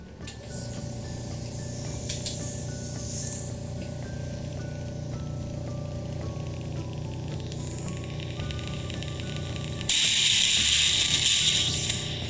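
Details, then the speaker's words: Steady suction hiss and hum, then louder gurgling rush as middle-ear fluid is drawn through a fresh myringotomy incision in a woman with a month of hearing loss from middle-ear fluid; ear suction during myringotomy. "so here's that part I was talking about a little bit of pressure pop here's the eardrum suction against"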